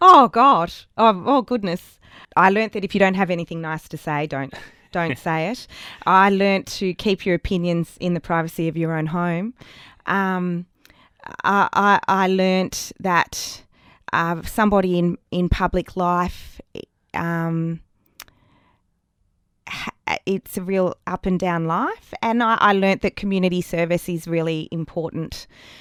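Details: Adult woman with persistent stuttering, much worse in childhood, word repetitions audible; stuttering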